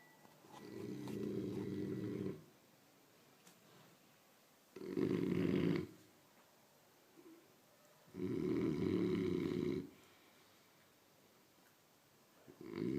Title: best snoring